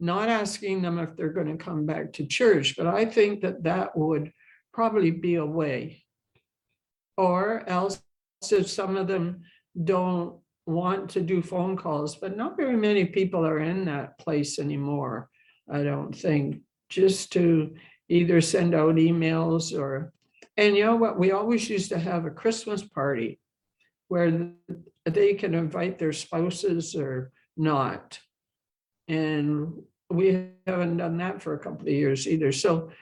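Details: Adult woman who stutters, with a history of speech therapy and support group attendance; stuttering.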